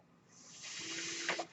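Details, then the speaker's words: A person's own mechanical ventilator: a steady airy hiss swells over about a second with a faint hum, then ends in two soft puffs as a breath is delivered. "hello everyone that noise you're hearing is my ventilator and welcome to page turners"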